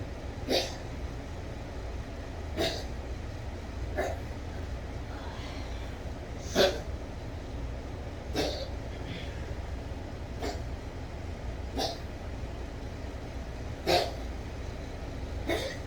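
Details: Yorkie with a rapidly collapsing trachea, 3am coughing fit that woke the owner and is becoming more frequent: about eight harsh, honking, hacking cough bursts roughly every two seconds over room noise; tracheal collapse cough.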